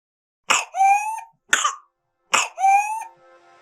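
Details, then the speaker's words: Three sharp child coughs, two followed by a high rising crowing whoop on the in-breath: whooping cough (pertussis). "older Pippi and tamariki get a runny nose then a cough which gets worse it can last weeks or even months they can have long coffee spasms gasp for air between the spasms"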